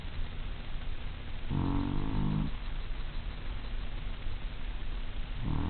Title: Tucks Snoring